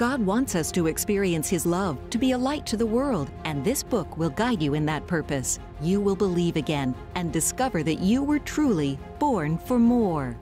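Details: Adult speaker; Normal voice.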